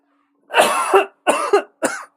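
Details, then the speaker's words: Adult gives three harsh, wet coughs in quick succession after an energy drink went down the wrong way; cough. "excuse me oh I think some Peach Relentless went down the wrong way"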